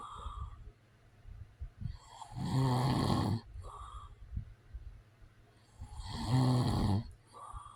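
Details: Real recording of an adult man snoring: loud rumbling snores on each in-breath, about one every four seconds, with quiet breathing between; ordinary heavy snoring.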